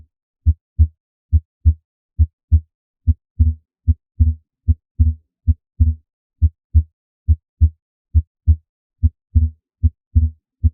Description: A transient split S2 is a normal sound with variations in the split S2 heart sound with respirations.